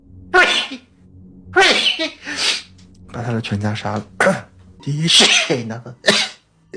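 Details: Several rapid sneezes in a row from a Chinese VTuber, each a sharp burst of breath with voiced catches between; rapid repeated sneezing.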